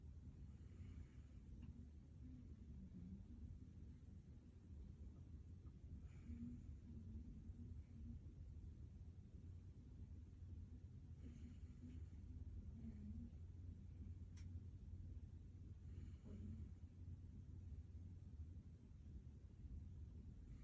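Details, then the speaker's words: Student nurse's stethoscope exam of a healthy chest, anterior and lateral chest with mouth breathing and deep breaths, no chest pain or tightness reported; everything sounded great: normal breath sounds. "all right everything sounded great I'm gonna go to the back and repeat the same thing"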